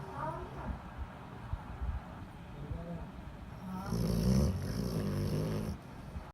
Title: Funny dog snoring when sleeping